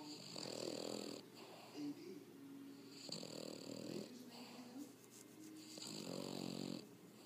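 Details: Repeated rattling, buzzy breathing noises on each breath in a quiet room from Vocho; snoring.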